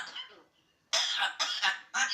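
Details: Parrot mimicking a cough: about four short, harsh, high-pitched cough-like bursts, imitated rather than a real cough.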